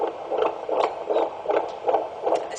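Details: Rapid, regular whooshing fetal heartbeat on Doppler, about 155–160 beats a minute, during an antenatal abdominal examination: normal fetal heart sounds.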